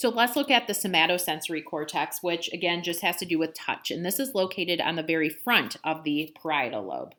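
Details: Adult; normal speech.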